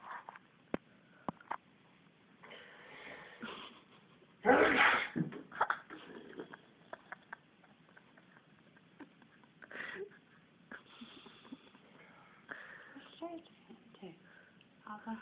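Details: Drunk old man, who had fallen over and couldn't get up, sneezing: one loud explosive sneeze among quieter sniffs, breaths and scattered room sounds.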